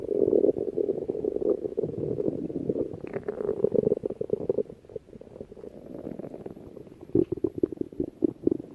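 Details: Low, drawn-out gurgling rumbles, then a quieter stretch and a few short bubbling pops near the end: stomach growling (borborygmi), presented as an anime character's stomach growling, over background music.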